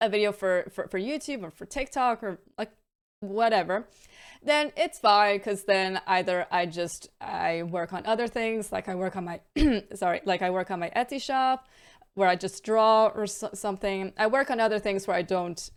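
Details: Adult woman with a stammer involving repetitions, prolongations and blocks, varying day to day and worsening with stress and mental state; stuttering (stammer).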